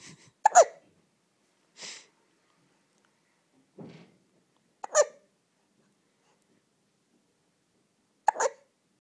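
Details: Hiccups: short, abrupt, squeaky catches recurring every few seconds, with soft breaths between, in a quiet room.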